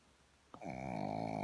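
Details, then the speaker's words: Tired pug snoring while resting in a shady spot outdoors in a national park: a short, loud, buzzing snort-snore with quiet outdoor background and birds. "and a snoring pug. Just found this little shady spot."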